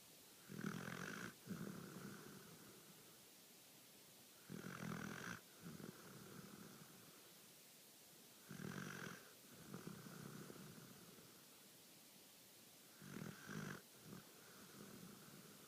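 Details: Sleeping dog snoring: regular rumbling snores about every four seconds, roughly 15 breaths a minute, against a steady background hiss.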